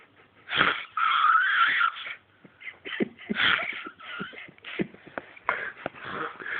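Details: Irregular sleep snoring: noisy breaths with squeaky, whistling, moaning tones and short snorts.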